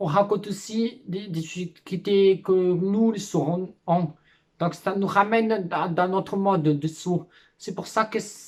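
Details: Adult speaking French; deaf speech.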